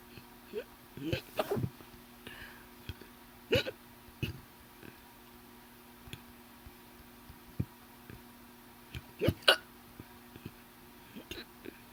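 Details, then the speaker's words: Repeated sharp, deep, powerful hiccups from an adult, coming every second or few seconds over faint room hum; hiccups. "Oh, I wonder if you guys can hear how deep they are and stuff."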